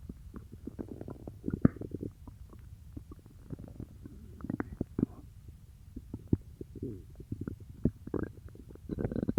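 Low gurgling and bubbling abdominal rumbles with scattered clicks, typical of active bowel sounds after eating.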